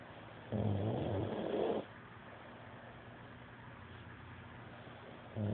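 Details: Adult man (boyfriend) snoring during sleep: one low rumbling snore lasting over a second, with a quiet pause before the next.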